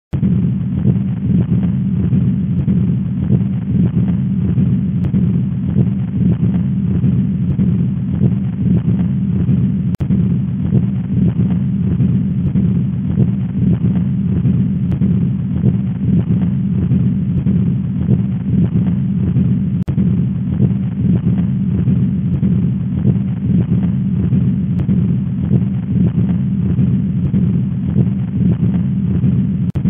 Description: Continous Machine Like Murmer heard during both Systole and Diastole = PDA.